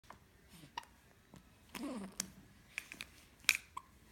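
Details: A baby girl has hiccups: several brief, abrupt catches of breath with small clicks and soft grunts.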